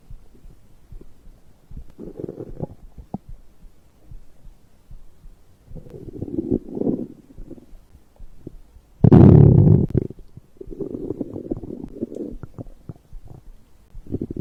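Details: Stomach growling recorded after drinking a beverage: low gurgling rumbles in bursts with one louder gush, ordinary digestive bowel sounds.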